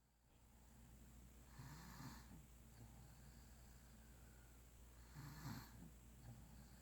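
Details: Two soft, rasping snores about three seconds apart over a steady low room hum; snoring during sleep.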